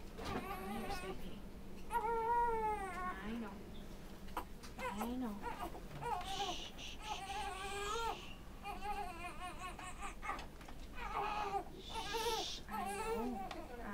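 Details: Infant in the NICU on day 96, during a burping session: repeated wailing cries with pauses between them over steady room hum; ordinary distressed infant cry.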